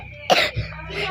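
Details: Adult who apologizes for coughing: one abrupt, harsh cough burst followed by a brief lower throaty sound.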